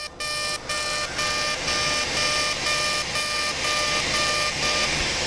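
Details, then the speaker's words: CO2 laser resurfacing of the thinner eyelid skin during a simultaneous facelift: steady high-pitched device tone broken by short regular pauses, about twice a second. Single pass on the lower lid at 80 millijoules, density 6. "the eyelid skin is thinner so we're going to do a single pass here of 80 and 6 i'm going to do the same thing on this lower lid"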